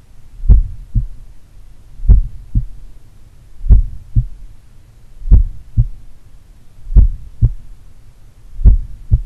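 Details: Morning auscultation at the pulmonary, Erb's point and mitral sites of an adult doing regular cardio training: slow, regular paired heart sounds, about 37 beats a minute, with a slight S3 at the mitral site; otherwise normal heart sounds.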